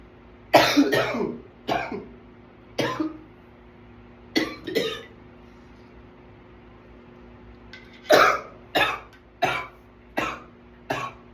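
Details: About ten harsh coughs in close clusters over eleven seconds with quiet pauses between bursts; a runaway coughing attack.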